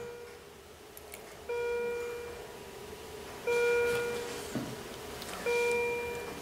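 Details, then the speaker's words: Simulated heart monitor alarm as a normal sinus rhythm slows into bradycardia, down to 37 beats a minute: repeating high tonal alarm bursts about every two seconds. "in fact, the machine's not very happy about it, so it's alarming. So I'm just going to pause the alarm because it's warning me that something's wrong, or at least potentially wrong."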